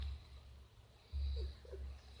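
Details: Sleeping adult man (the father) snoring with low, rumbling bursts of noisy breathing that rise and fade with each breath, while mother and child sing a children's song nearby.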